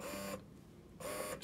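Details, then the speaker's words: Ameda Finesse double electric breast pump, used by a first-time mother exclusively pumping for twins, said louder than her Spectra: cyclic mechanical whirring of the pump motor in two bursts with a quiet gap. "but it's a little bit louder than my spectra which isn't too bad because the fact that this is portable so I'm assuming the motor needs to be a bit stronger in case you have the batteries in so I'm assuming that's why it's so loud"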